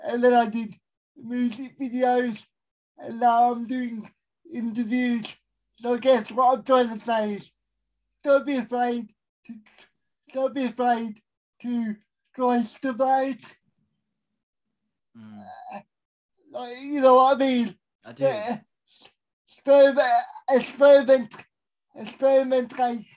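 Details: Dysarthria in an adult male with a severe type of cerebral palsy, real.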